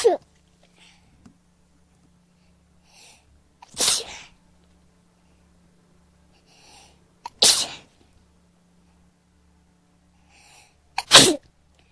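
Three sharp, explosive sneezes a few seconds apart, each preceded by a quick indrawn breath.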